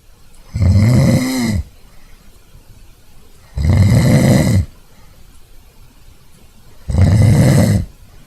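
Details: Loud snoring sound effect: three loud, rattling snores on the in-breath, about 19 a minute with quiet gaps between; heavy snoring.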